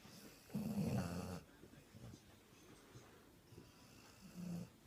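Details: Sprollie dog napping on Christmas Day after a day of eating: one loud, rattling snore, then quieter breaths and a second, softer snore, very loud snoring.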